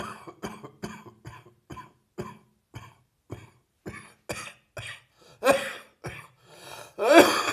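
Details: A rapid run of about fifteen short, forceful coughs from an adult with a heavy chest cold: chest cold coughing.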